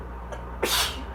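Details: Person with asthma and spring allergies, eyes watering: a faint catch of breath, then a single sharp, explosive allergic sneeze fading into a breathy hiss.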